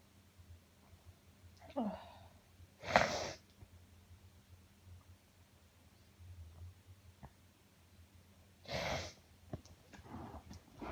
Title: Uncontrollable Sneezing Fit